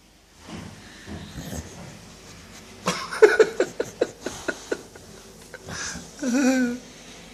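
A rapid run of snorting, fluttering breath sounds, then a drawn-out rough snore, typical of a short-nosed dog's noisy breathing.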